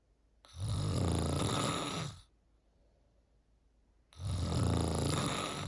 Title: PART 3 snoring…. Tell me what u think this one sounds like #cantsleep